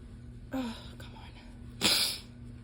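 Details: Allergy sneezing fit, sneezed mostly into the elbow: two muffled sneezes over steady room hum, the second sharper and hissing.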